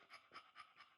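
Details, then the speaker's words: A one-year-old English Bulldog stud sitting on a couch during an initial BOAS breathing test, somewhat worked up; quick, even panting, about four breaths a second, with no catch: normal resting panting with a clean-sounding trachea. "But you can hear resting, panting. There's no catch in his breath. You can hear his trach is really clean."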